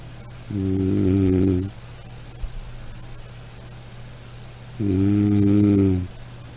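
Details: Two loud, droning snores about four seconds apart, roughly fifteen breaths a minute, with quiet breathing between; ordinary snoring.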